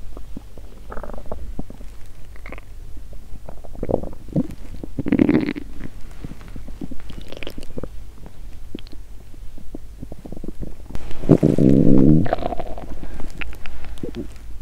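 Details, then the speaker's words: Woman fasting over 17 hours, period due that day, bloated stomach: low gurgles and bubbling then a long growl; hunger stomach rumbling (borborygmi). ""Ah! My stomach is groaning". For three hours, I kept recording hunger sounds."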